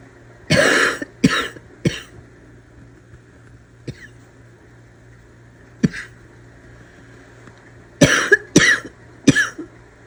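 Harsh, loud coughs come in two clusters with quiet gaps between them, a barking cough after a suppressed coughing fit.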